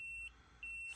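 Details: CF500 laser and electrical stimulation device, intensity being lowered: two high, pure electronic beeps with a short gap between them, from button presses.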